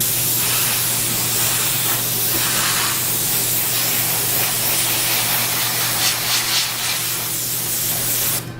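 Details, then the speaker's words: Steady hissing rush of air from a dental air syringe held about six inches away, aimed toward the front of the mouth, drying teeth during a COHAT in an anesthetized dog; dental air syringe. "alright so we're going to get rid of that and then being about six inches away directing towards the front of mouth never like that what we're going to do is dry the teeth"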